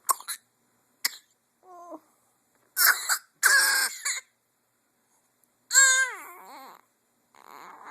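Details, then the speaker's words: A baby's harsh, nasty-sounding cough. "that was nasty why are you coughing like that"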